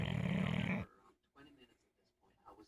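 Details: Bulldog snoring at 4 am.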